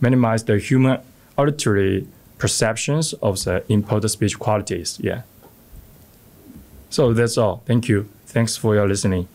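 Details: Adult male speaker; normal speech.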